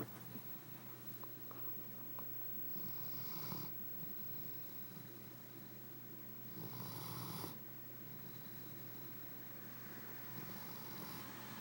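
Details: Sleeping dog snoring loudly enough to wake the owner.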